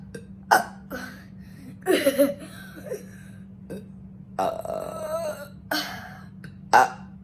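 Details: Several loud, voiced belches in a row with short pauses, steady hum in background; a person burping on command in a one-minute burping challenge.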